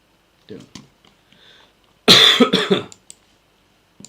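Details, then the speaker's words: A quiet throat noise, then one loud, harsh cough lasting about a second in a small room, from an adult who is sick and coughing non-stop during a live stream. "my God this is probably such an annoying stream to people because I'm coughing non-stop like I've already gotten used to the sound of my cough"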